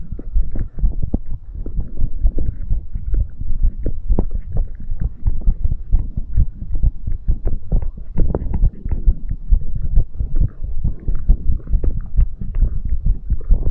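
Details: Rapid, deep, thudding heartbeat continuing without pause after exercise: a fast heart rate as a normal response to exertion.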